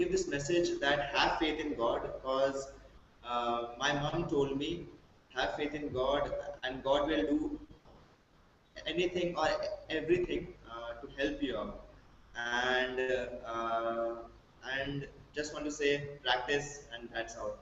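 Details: Male college student from Delhi who stammers with blocks, especially on his own name; he is improving through practice, self-help groups and brief speech therapy; stuttering.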